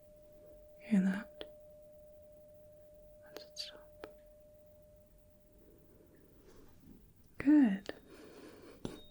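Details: Role-played ASMR Rinne test: a struck tuning fork is placed on the bony process behind the ear, then in front of it, ringing until the listener stops hearing it.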